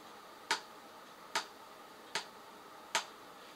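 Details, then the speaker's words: Imitated first heart sound (S1), demonstrated for listening with the stethoscope at the 6th intercostal space on the midclavicular line: four sharp, evenly spaced taps, about 75 a minute, representing mitral and tricuspid valve closure. "ce premier bruit du coeur c'est juste ce n'est autre chose que la fermeture des valves trucus et des valves mitrales"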